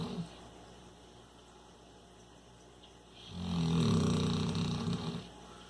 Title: More snoring